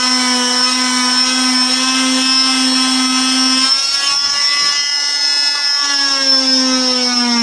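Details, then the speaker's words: Oscillating cast saw bivalving a female patient's below-knee cast, cut slowly to avoid pain, with the cuts cross-hatched where they join: a steady high-pitched whine that shifts slightly in pitch as it bites. "Now you'll notice I kind of separated the skin away from the saw when I did that again on this side."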